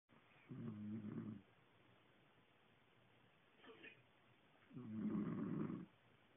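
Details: Snoring: two low, rumbling, vibrating snores several seconds apart, with a soft breath between them.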